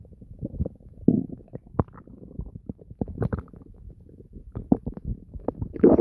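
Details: Frequent bubbling gurgles and deep, low growling rumbles from the abdomen in irregular bursts: active bowel sounds (borborygmi), normal stomach noises.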